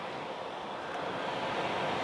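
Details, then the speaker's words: Lowenstein Medical CPAP machine, hospital-issued for the user's sleep apnea, running with the mask set aside: steady airy whoosh, no clear rhythm or alarm; CPAP machine running. "really noisy now that that's where the filters are there at the back to hear that it's not that noisy when when it settles down I think the soft starts"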